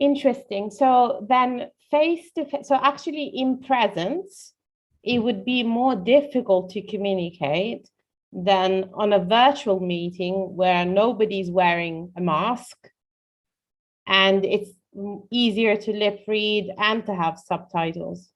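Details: Adult woman speaking; normal speech.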